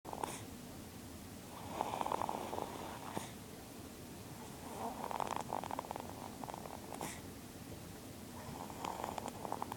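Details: Soft, raspy snoring breaths with a fluttery rattle, repeating every few seconds while asleep lying on mother; snoring.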